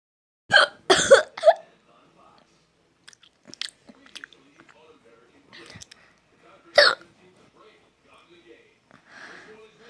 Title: My hiccups are keeping me from charging my phone